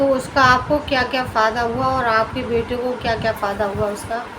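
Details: Adult woman speaking Hindi; normal speech.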